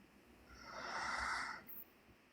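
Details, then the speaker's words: Person snoring loudly in the background of a phone call: one long, rough, noisy snore breath, faint and heard over the phone line. "that somebody is in your background, they snoring real loud, and we can Yeah, hear it"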